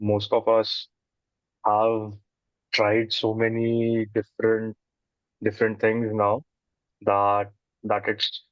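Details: Adult man who says he stutters, with word and phrase repetitions heard; stuttering.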